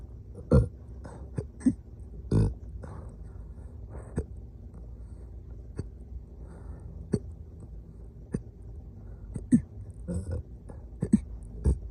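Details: Recurring hiccups after waking around 3:47 AM, again: abrupt short throaty catches every second or two in a quiet room.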